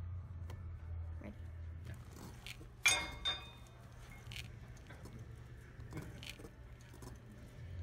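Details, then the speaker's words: A woman's knee, painless, filmed at a gym, gives gritty crunching and crackling while moving through its range: marked knee crepitus. "you can't see anything you can just hear some really serious crepitus so check it out that's really bad"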